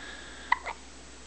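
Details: Infant with hiccups: a single sharp, brief hiccup with a small follow-on sound in a quiet room.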